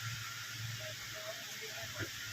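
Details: Five-litre oxygen concentrator running, delivering oxygen through a water-filled humidifier bottle with flowmeter: steady hiss, low hum and faint bubbling.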